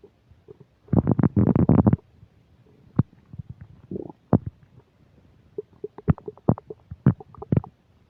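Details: Recorded while eating a burger and fish fries, described as upset digestion: a loud burst of bubbling gurgles, then scattered clicks and short squelching pops over quiet, stomach and bowel rumbling (borborygmi).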